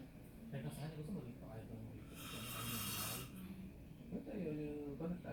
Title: More snoring...